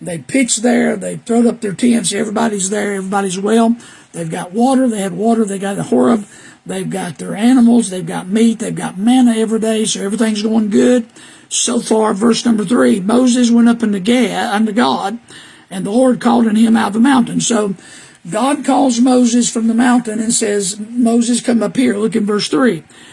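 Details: Adult man with HPV-caused recurrent respiratory papillomatosis after H1N1 in 2010; papillomas surgically removed, surgical vocal cord damage, web over the bottom third, years of false vocal fold phonation, later cancer treatment; constant cough: dysphonia due to recurrent respiratory papillomatosis.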